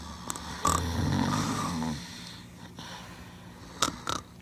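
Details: Snoring of the video game character Spyro: one rough, snorting inhale followed by a quiet exhale and small clicks; cartoonish, non-human snore.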